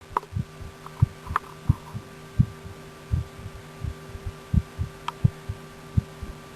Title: My Heart Heartbeat Auscultation